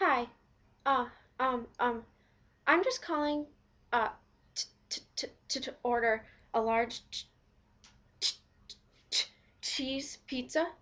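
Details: Acted stuttering: a volunteer playing a person who stutters orders a pizza by phone; stuttering (acted).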